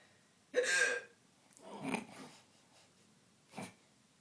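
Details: Hiccups in a quiet room: one loud, sudden hiccup, then a breathy sigh and a smaller catch; the person says they have always had hiccups like this.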